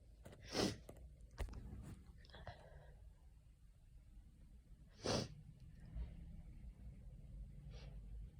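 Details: Adult coming down with an autumn common cold caught from a sneezing coworker: two sharp, explosive sneezes a few seconds apart, with breathing and small movement sounds in a quiet room; sneezing with a cold.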